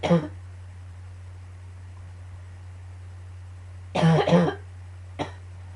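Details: A recurring, annoying cough during repeated coughing fits: three short, harsh, dry coughs over a steady low hum.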